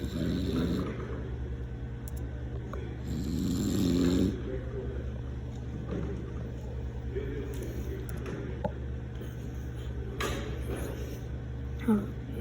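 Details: Adult man (father) snoring while asleep: low rumbling snores, irregular in rhythm, in a quiet room with a steady background hum.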